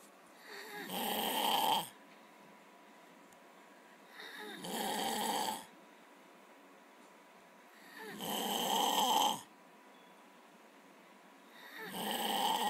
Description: Came home and my brother was snoring... He never does that!